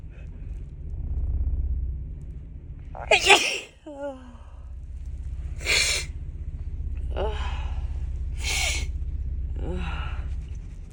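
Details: Female with a cold and stuffy, tickly nose: one loud explosive sneeze, then a short inhaled gasp and two or three softer sneezes or breathy bursts over a low room hum; sneeze.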